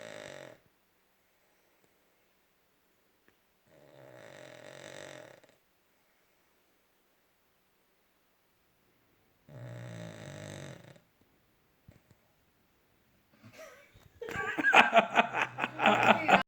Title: Funny Dog Video - Funny Dog Snoring Very Loud 😂